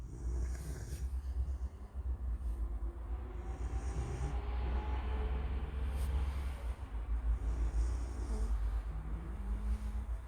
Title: My dog snoring 😂